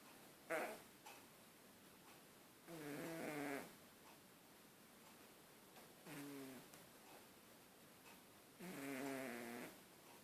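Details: Sleeping cat snoring loudly: rattling snores about one every three seconds, with quiet pauses between; snoring.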